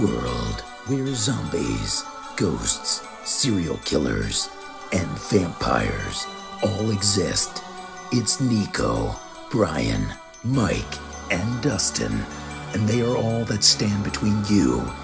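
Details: Adult male narrator; normal speech.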